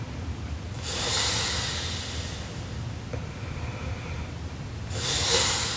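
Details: Sleeping Japanese girl snoring very loudly: two harsh, rattling inhalations about four seconds apart with quiet breathing between; heavy snoring.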